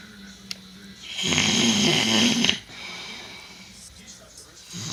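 One long, loud, harsh rattling breath lasting over a second, then quieter breathing: a loud snore.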